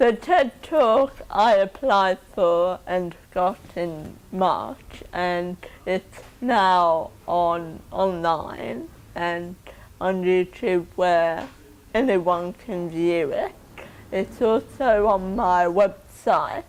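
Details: Woman with cerebral palsy from 28 minutes of oxygen starvation at birth due to birth complications; dysarthric speech in cerebral palsy.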